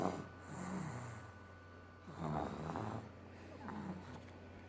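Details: Two rough, rattling snores on breathing in over a steady low room hum; snoring.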